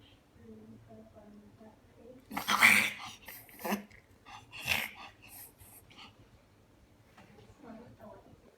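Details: A dog makes a run of harsh, rapid snorting inhalations during a full reverse sneezing episode.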